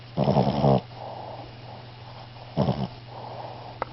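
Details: Sleeping animal snoring: two short rattling snores on inhalation with softer airy breaths between.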